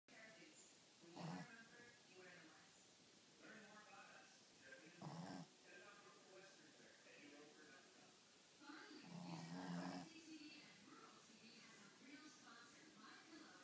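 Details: Sleeping dog snoring: irregular rough, rattling breaths with soft room noise.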